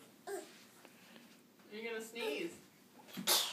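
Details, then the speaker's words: A baby deliberately pretending to sneeze: breathy vocal sounds build to a sharp, hissing burst at the end; a faked sneeze. "this is the fake sneeze baby she's doing it perfect though"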